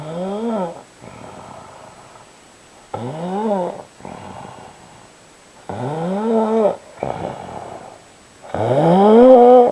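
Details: Husband snoring while asleep: loud, rising-and-falling honking snores on inhalation, each followed by a softer rasping exhalation, about 12 breaths a minute.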